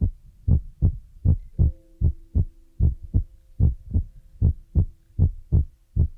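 Regular low thumping beats at about 77 a minute, with a faint steady hum in the background; a plain heartbeat.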